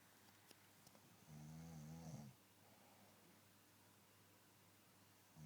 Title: Snoring